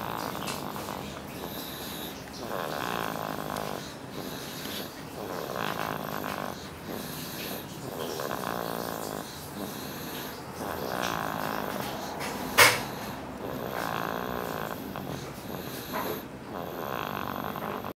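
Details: Boy snoring as loudly as his father: loud, rhythmic rattling breaths repeating steadily about every two seconds over a noisy background. Heavy snoring.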